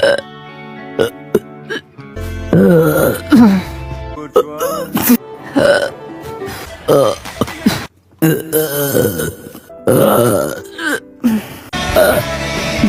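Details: Repeated loud, voiced burps with hiccup-like catches over background music; hiccup burps.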